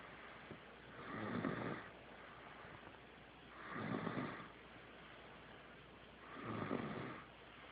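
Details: Three soft, airy, rasping snores at about 23 per minute against quiet room noise; snoring likened to a grown man's.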